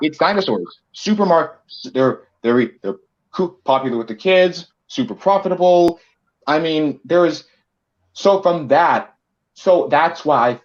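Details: Male co-host who self-reports a bit of a speech impediment of unspecified type: speech impediment with disfluency.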